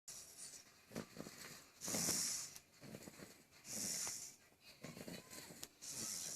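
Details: Snoring while snoozing: repeated hissing, whistling breaths with soft rattles between them, about three in six seconds.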